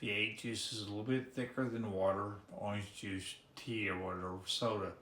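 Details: Man with ALS diagnosed in October after about five years of misdiagnosis; his speech is severely hampered, and his swallowing is also affected; dysarthria (ALS)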